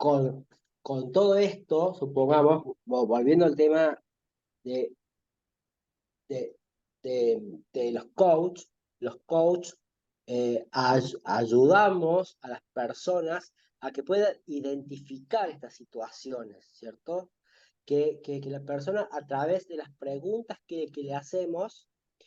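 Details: Stuttering with word repetitions in a Spanish-speaking man who links it to difficulty talking with friends and parents since childhood.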